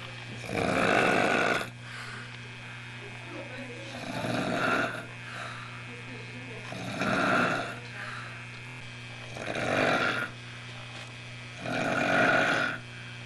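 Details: Loud, harsh snoring, described as pig-like, about 24 snores a minute over a steady room hum; recorded on 1 January 1989.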